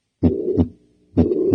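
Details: Teaching example of a systolic ejection murmur, which occurs between S1 and S2 and is often innocent: heart sounds with a soft whooshing murmur filling the gap between the first and second sounds.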